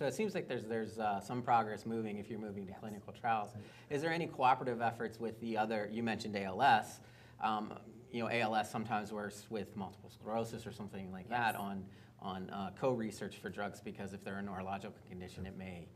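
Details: Adult male speaker; typical speech.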